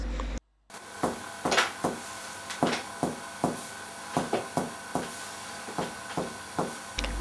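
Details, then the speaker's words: Repeated finger taps in chest percussion give the resonant lung tone, loud and long, the normal percussion note over healthy lung. "the resonant tone of the lung is loud long and"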